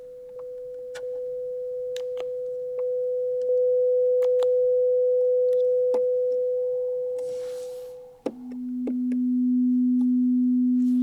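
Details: Hearing test in a Thai ear clinic, right ear only, with mixed sounds and Thai word repetition: hearing test tones.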